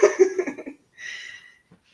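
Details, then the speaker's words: A female dog snoring right next to the microphone: a fluttering rattle followed by a soft breathy hiss. Snoring. "I swear she's like right next to the microphone on purpose"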